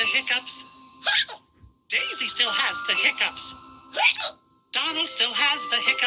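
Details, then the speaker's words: Mickey Mouse Clubhouse cartoon: character voices over music broken by sudden short hiccup sounds; acted, simulated hiccups. "then goofy still has the hiccups and pluto still has the hiccups"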